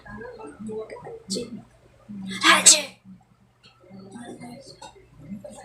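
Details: An acted sneeze, a sharp hissing burst, between casual talk with background music, staged as a funny reaction clip.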